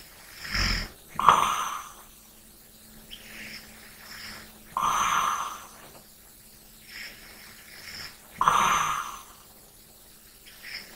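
Slow, rough, fluttering snores with quieter breaths between, about 17 breaths a minute; snoring during sleep.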